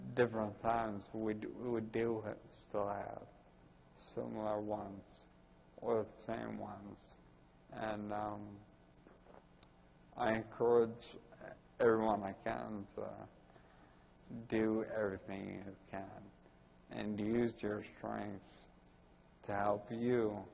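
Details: Ataxic dysarthria in a 41-year-old man with Friedreich's ataxia diagnosed at almost 20.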